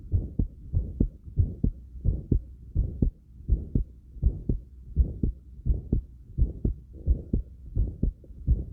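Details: Rapid heartbeat right after light exercise (crunches), recorded with breath sounds and movement noise.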